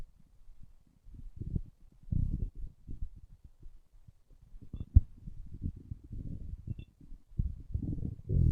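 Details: Low, irregular gurgling rumbles in bursts over several seconds: ordinary stomach growling, a normal bowel sound (borborygmi).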